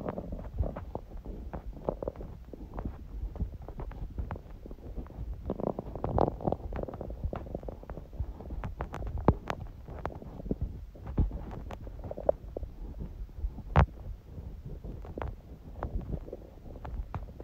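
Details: Hunger bowel sounds (borborygmi): continuous low rumbling and gurgling with scattered clicks and pops; recording also includes sneezing; stomach hunger growling.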